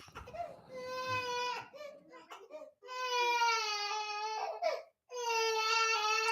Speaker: baby's crying I don't know if you can hear it